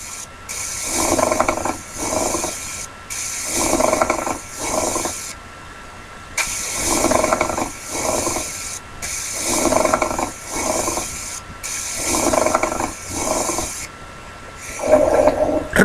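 Repeated low, snoring, rattling breath sounds, each breath split into two bursts, consistent with rhonchi.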